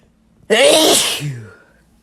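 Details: A single loud, sudden sneeze with a quick voiced onset trailing into a breathy fade, from a sneeze compilation; a normal sneeze.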